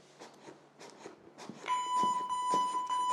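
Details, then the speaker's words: Steady electronic metronome beeps over room noise, from an AED trainer after a delivered shock, pacing CPR chest compressions at 100 per minute for the rescuer to match. "I have to match with the bip so this is the function of this device"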